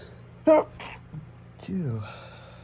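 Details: Sneezing deliberately triggered by sniffing perfume: a sharp sneeze burst, then a softer breathy outburst and a sighing exhale, after repeated heavy breaths.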